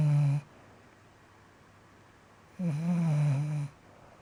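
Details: Snoring recorded in August 2015: low droning, tonal snores, one about a second long, separated by quiet pauses.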